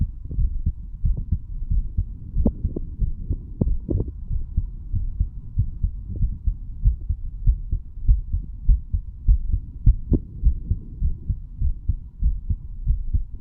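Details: Self-recorded stethoscope heart sounds of a 35-year-old man while standing, over the mitral, tricuspid, pulmonary and aortic areas and the right ventricle: regular low thumping beats with a faint background hum; normal.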